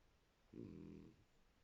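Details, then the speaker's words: Single low, rumbling half-second snore over quiet room noise from sleeping dogs, loud enough to drown out the TV. "vous voyez je vous mens pas quand elles ronfle et j'entends même pas la télé"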